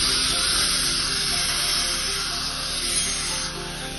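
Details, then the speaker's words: Steady high-pitched whine and hiss of a dental surgical drill sectioning a lower mesioangular (Class 2, Position B) wisdom tooth with dilacerated root to avoid root fracture, during minimal-incision surgical removal. "the tooth now what we are going to do we will section it"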